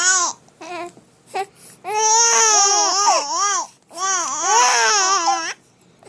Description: Our twins got scatted and started crying because of daddy snoring!